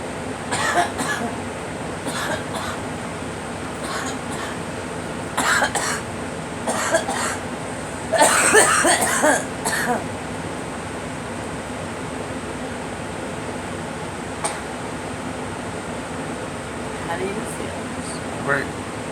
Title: Girl coughing